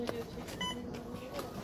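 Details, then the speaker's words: Infusion pump alarm: short steady electronic beeps against room noise during Taxol chemotherapy (dose 4 of 12) for a 46-year-old woman with stage 2b breast cancer, signalling her infusion is nearly finished. "worries rosie thank you that beeping is a good sound it means my day's nearly over"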